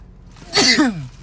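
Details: Sneezing after eating Rap Snacks chips: a single sharp burst of breath with a falling voiced tail, fitting one sneeze.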